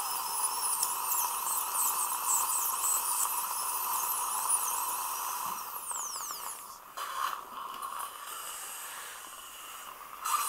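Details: Surgical drill sectioning a horizontally impacted lower wisdom tooth (#38) during live extraction surgery: high-pitched whine in a small room, running steadily, then stopping and starting.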